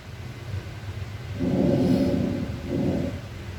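Very faint, muffled breath noise over a low rumble, consistent with diminished breath sounds.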